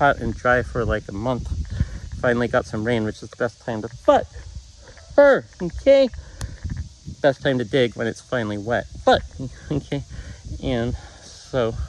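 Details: Man with Tourette syndrome whose vocal tics break into his sentences.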